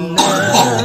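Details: Adult with cough for over five years, sometimes with chest tightness/breathlessness, during a ruqyah session: a single harsh cough or throat-clearing burst.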